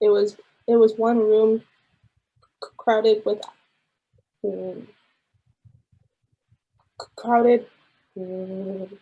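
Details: Woman in her late 20s who has stuttered most of her life, reading aloud in her second hypnosis session; block and repetition on one word, about one stutter versus 11–15 in the first session; stuttering.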